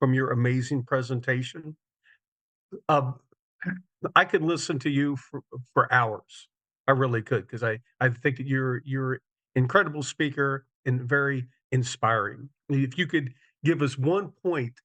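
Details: Adult male speaker; typical speech.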